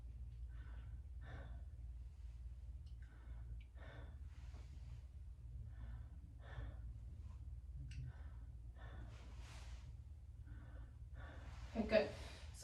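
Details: Clear normal breath sounds heard during a full-body physical assessment of a patient: soft, airy deep breaths in and out in a quiet room, with no wheezes or crackles.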